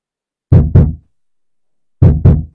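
Two pairs of loud lub-dub heart sounds, evenly timed, heard through a stethoscope.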